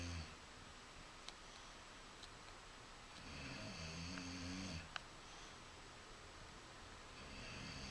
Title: Kratos The Bully "Snoring"